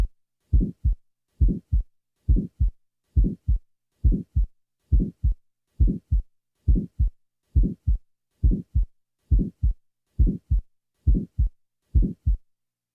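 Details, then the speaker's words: 20-year-old female with a small muscular ventricular septal defect, recorded at the left lateral sternal border: regular heartbeat near 68 a minute with a brief early systolic murmur starting at the first sound and fading by mid-systole. "listen next to the sounds taken from a 20 year old female with a small muscular vsd the recording was taken at the left lateral sternal border"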